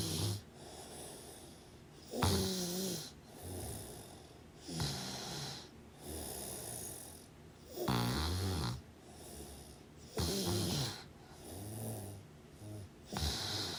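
Irregular, loud, snorting snores with shorter rough out-breaths, about 20 breaths a minute.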